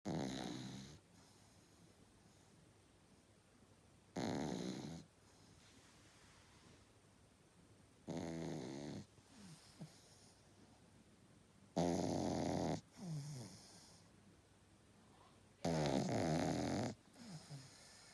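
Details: Sleeping pug puppy snoring loudly: rattling snores about every four seconds, roughly 15 a minute.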